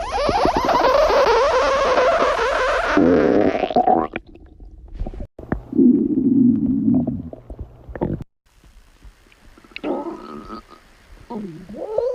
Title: Girl stomach growling ( 4 minutes)